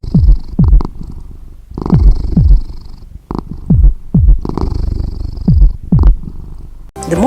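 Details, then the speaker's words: Cat auscultated with a stethoscope while taking vital signs in veterinary nurse training: steady low rumbling purr swelling and fading in cycles, able to mask the heartbeat; cat purring during auscultation. "cat patients may burn during auscultation so you must be able to distinguish heartbeat from cat"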